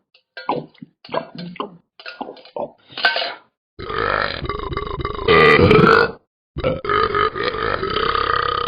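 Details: Dog burping repeatedly: a run of short throaty bursts followed by long, loud, rumbling belches.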